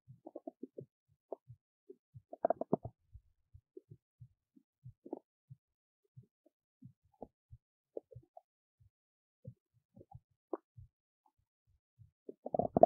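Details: Belly noises recorded while digesting oats: scattered soft gurgles and pops with a louder gurgling burst at the end, ordinary bowel sounds.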